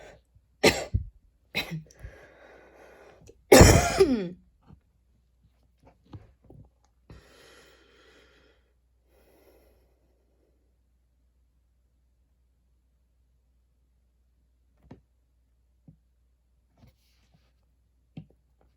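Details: Three sharp explosive coughs, the last long and harsh, with throat noise after, then a quiet room with faint small sounds: a cough recorded while studying.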